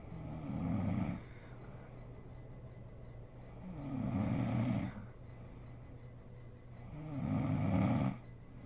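Three rough, rumbling inhaled snores at about 18 a minute, with quiet pauses between them. Ordinary snoring.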